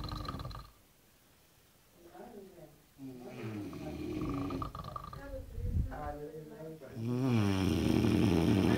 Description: Synchronised snoring, Classic